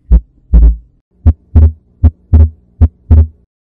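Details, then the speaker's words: Regular heartbeat near 75 a minute. S2 is single on expiration but splits on inspiration into aortic closure (A2) then softer pulmonic closure (P2); physiological splitting of S2. "in the normal heart during expiration the second sound s2 is usually single but during inspiration is made of two component sounds"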